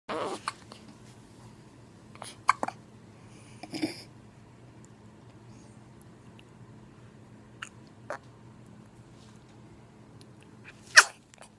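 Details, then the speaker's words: Repeated hiccups: a few sharp, sudden hiccup sounds at irregular intervals several seconds apart over a quiet room hum. "Do you have the hiccups? I'm gonna leave that sit right there, okay? Do you have the hiccups?"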